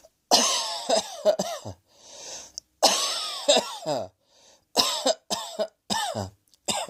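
Three bouts of harsh, voiced coughs, several bursts in each, with audible breaths drawn between bouts: repeated coughing.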